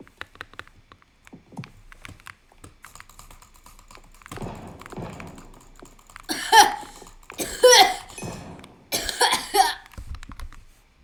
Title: violent coughing